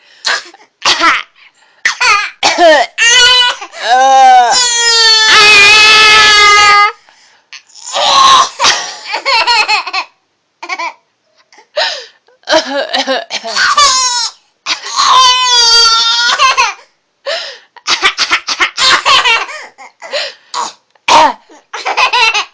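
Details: A young child's silly coughing fit: repeated short cough bursts mixed with high-pitched laugh-like and whooping voiced sounds.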